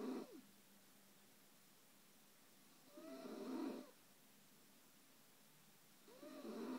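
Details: Adult woman (wife) snoring, snorting like a hog: two rough, rattling inhaled snores about three seconds apart with quiet pauses between, in a still room.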